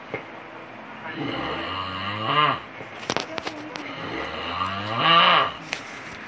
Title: Boyfriend vs Snoring